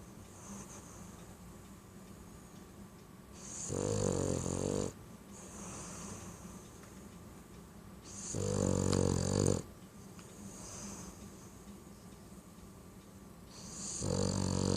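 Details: A BT dog snoring heavily: loud rumbling snores on each in-breath, about every five seconds, with quieter breathing between, in a small room.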